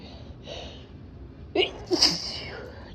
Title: Intoxicated sneezes